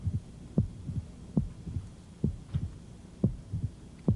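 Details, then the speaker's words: Pericardial knock in a male patient with a median sternotomy scar, proximal muscle wasting and chest wall retracting in systole; heard at lower left sternal border and further out; regular rhythm about 70/min, early low thud after S2 resembling a mitral opening snap. "now you might say hey that sounds a lot like that mitral opening snip and it does sounds a lot like the opening snap of that moderate mitral v"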